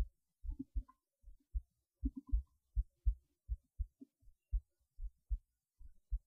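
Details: Heartbeat recorded through a cheap acoustic stethoscope: regular low thumps at about 80 beats a minute with faint rustle between beats.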